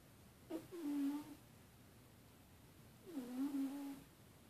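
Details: Sleeping cat that snores a lot makes two drawn-out, whistling, moan-like sounds about three seconds apart with her breathing; owner suspects she may be having a bad dream; snoring.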